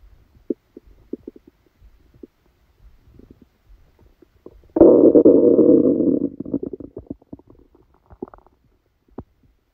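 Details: Stomach sounds recorded during a stomachache after Christmas dinner while the person slept: scattered small gurgles and clicks, then a loud rumbling growl of about 1.5 seconds; active bowel sounds, stomach rumbling.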